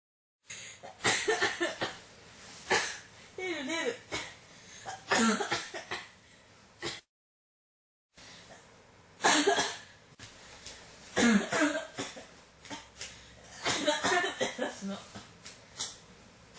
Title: 咳が止まらない 14 cough